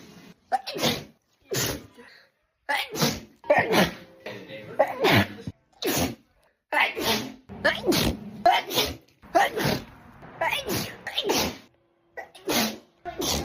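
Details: Sneeze compilation: a quick series of explosive, hissing sneezes with short gaps between them, with snorts and a cough nearby.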